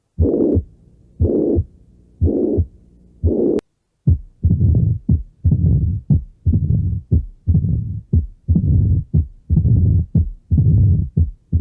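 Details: Heart sounds: regular low heartbeat thumps, about 60 a minute, each beat with a soft rushing sound between the heart sounds.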